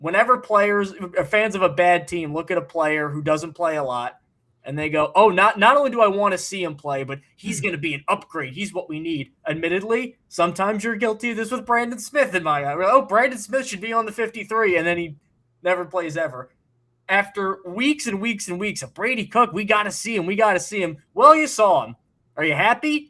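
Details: Adult man speaking; Normal speech.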